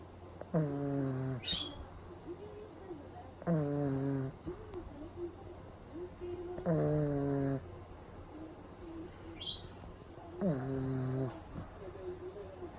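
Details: A pug napping in the daytime with eyes rolled back, recorded close up: loud, rattling snores, about four in twelve seconds, with quieter breathing between them.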